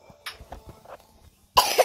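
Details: A child's short, sharp cough of two quick bursts after a moment of quiet, with faint room sound.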